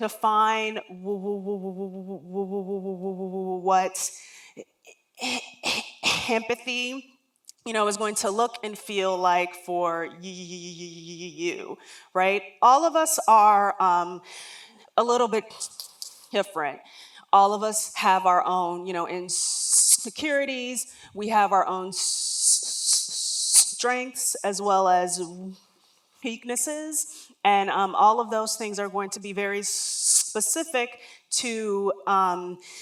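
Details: Real lifelong stuttering in an adult woman, heard during a public talk.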